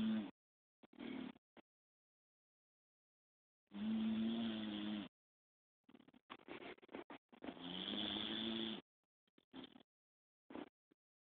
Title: My blue pit snoring sitting up FUNNY